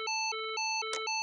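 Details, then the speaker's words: LIFEPAK CR2 defibrillator in adult mode: after the flashing shock button is pressed, rapid alternating high-low electronic beeps with brief noise bursts as it delivers a shock. "Rör inte personen tryck på blinkande knapp nu defibrillering levererad"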